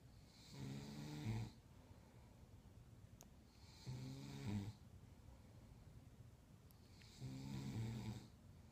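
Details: Grandmother snoring: three low, rattling snores on breathing in, about 18 a minute, with quiet pauses between them.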